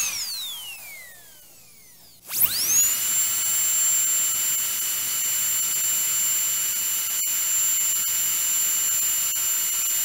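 A high, steady whine spins up sharply after a falling tone and holds, typical of a dental drill running at speed.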